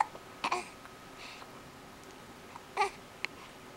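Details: Baby with hiccups: short abrupt voiced catches recurring a few seconds apart, with small baby sounds between, in a quiet room; hiccups.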